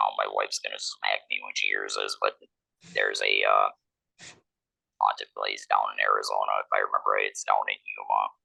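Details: 47-year-old man, laryngectomee since laryngectomy in 2019, speaking with an electrolarynx that took about a year to get familiar with; electrolarynx speech.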